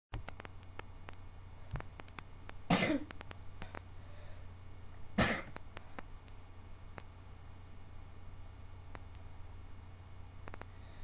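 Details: Two short, rough, harsh bursts about two and a half seconds apart against low room hum, like throat clearing or a snorting sneeze.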